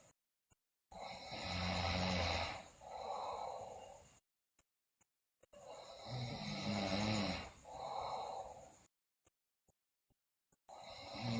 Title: Sleeping Girl Loudly Snore, Bruxism, Delirious